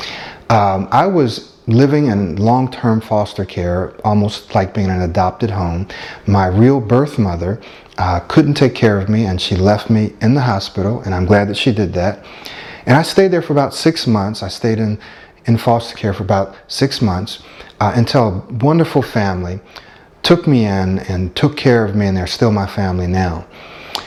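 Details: Adult man speaking; fluent speech.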